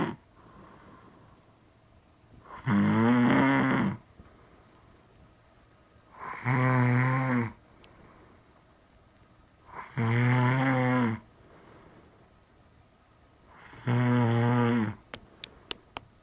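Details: Loud, regular buzzing snores on each breath, about 16 a minute, with quiet gaps between them, from a very tired parent of a baby; snoring.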